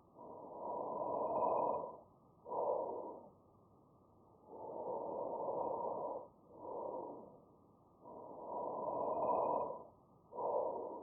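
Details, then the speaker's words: Normal vesicular breath sounds heard over the peripheral lung fields, anteriorly and posteriorly: soft, low-pitched breathing, inspiration longer than expiration. "it will have a low pitch that will be sort of soft and inspiration will be greater than expiration and here is what vesicular sounds like"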